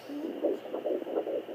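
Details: Fetal heartbeat on a home handheld fetal Doppler during pregnancy: rapid, rhythmic whooshing pulses, with occasional booms from the baby kicking the probe.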